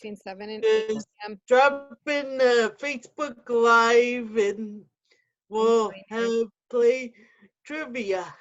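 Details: Adult with cerebral palsy with spasticity and quadriplegia, wheelchair user, speaking; dysarthric speech in cerebral palsy.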